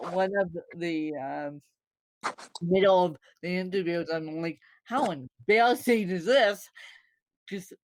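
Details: Speech of a woman born with cerebral palsy (congenital), possible dysarthria; no speech disorder is named by the source.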